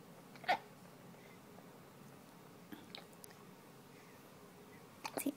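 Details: An infant with hiccups makes soft, abrupt catches at irregular intervals in a quiet room while a parent talks to the baby: infant hiccups.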